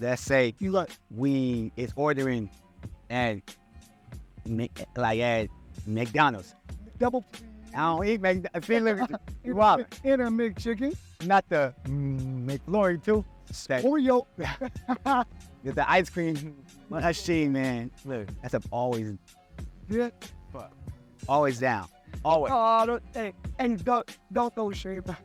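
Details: Stuttering in an adult man who stutters, speaking conversationally.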